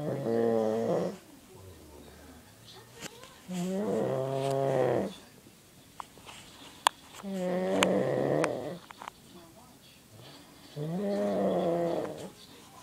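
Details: Four loud, droning snores at about 17 breaths a minute with quiet pauses between; heavy snoring during sleep.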